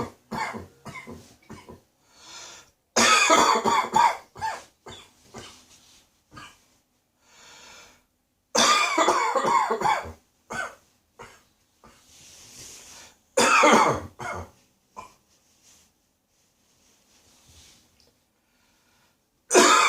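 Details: An adult coughing with a spring cold that is moving deeper into the throat and may reach the chest in a couple of days. Repeated bouts of harsh, throaty coughing with smaller coughs and throat clearing between; a common cold cough.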